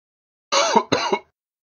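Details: Sick adult man coughing, a sound-effect recording: two quick, harsh, somewhat throaty coughs close together.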